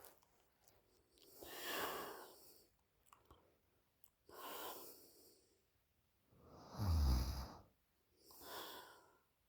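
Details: 20-year-old girl snoring loudly in sleep: four rough, rattling breaths a few seconds apart, about 25 a minute, the last loudest and deepest; loud snoring.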